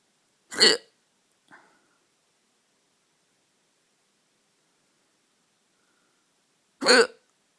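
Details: Hiccups in the middle of the night: two sharp, abrupt hiccups about six seconds apart, each a brief voiced catch, with a faint small sound between them in a quiet room.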